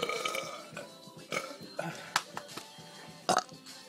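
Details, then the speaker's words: Short belches during a biggest-belch contest, heard over music and room noise. "oh my god okay we're gonna do a biggest belch contest"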